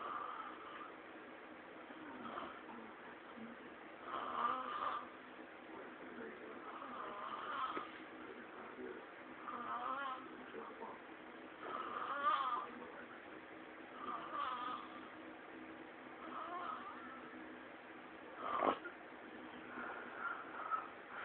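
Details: Quiet, irregular snoring at roughly 28 rattling breaths a minute, with faint room noise.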